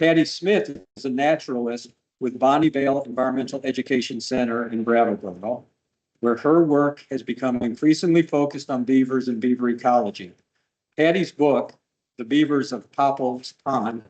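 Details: Adult man speaking; normal speech.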